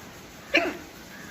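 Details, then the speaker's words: Woman with troublesome hiccups while getting ready for the gym on a rainy day: a single short, abrupt voiced catch over quiet room noise; hiccup. "और मुझे आ रही है हि चकिया हिचकी ने कर दिया है परेशान"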